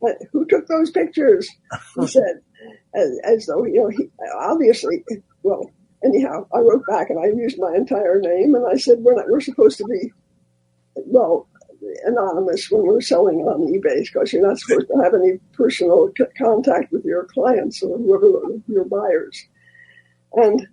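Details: Elderly former singer who recently lost a vocal cord, not caused by the polio they had in 1948; voice changed from their singing voice; dysphonia after vocal cord loss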